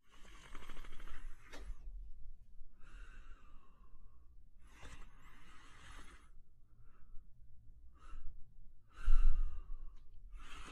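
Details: Sleeping German Shepherd dog snoring: slow, noisy breaths with rough, snorting sounds on the breath in and soft sighing sounds on the breath out.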